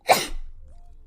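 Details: A girl gives a single sharp, explosive burst of breath, then quiet, with allergies and sinuses tagged as context; one sneeze.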